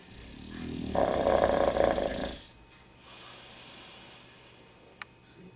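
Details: One loud, rough snoring breath, then quiet breathing and a faint click; snoring.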